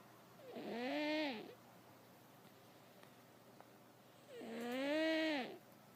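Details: Sleeping cat snoring, then woken by her owner: two drawn-out, whistly, tonal snores about four seconds apart, roughly 15 breaths a minute; ordinary snoring.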